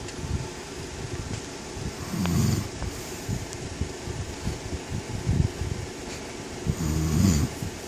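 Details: Adult man (husband) snoring during sleep: low rumbling snores, about three over eight seconds, against steady fan-like room noise.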